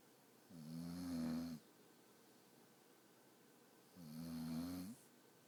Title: ET Snoring